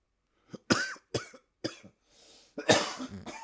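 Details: A run of about five harsh, explosive coughs with raspy breaths between, from an adult right after taking a bong hit of cannabis.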